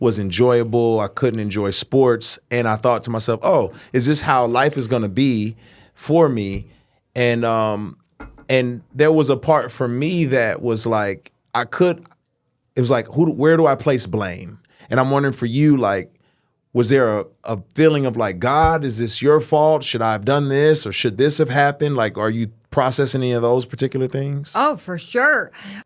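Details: Adult man speaking; ordinary speech.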